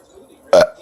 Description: Making my boy laugh by burping.